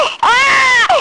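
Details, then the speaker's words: Loud, sustained infant cry, used as a 5-second control cry stimulus in a maternal brain scanner study: a wail with a clear pitch that rises and falls, framed by brief breaths. "So I'm going to play just a 5-second sample of the control baby cry so that you kind of know how this cry sound will sound like, and then imagine yourself being in the scanner and then listening to this."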